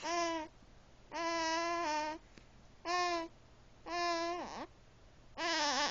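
Repeated steady, clear infant cry sounds in bursts about a second long, with short pauses between them.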